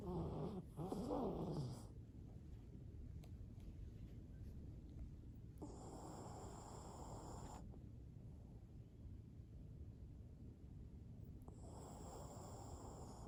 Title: Dog Snores